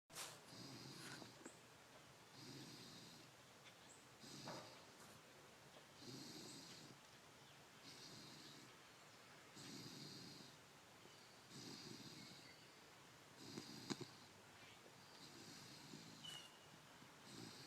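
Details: A pit bull dog snoring while asleep: soft, hissy breaths with a whistling edge, about every two seconds, in a quiet room.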